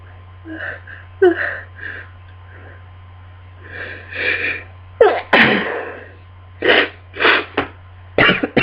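Several sharp sneezes in a row, some with a drawn-in breath before them, over a steady low hum: a sneezing fit with a cold.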